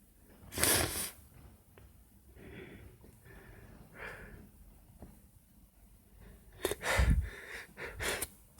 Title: First Sneezing Video - Primer Vídeo Estornudando🙈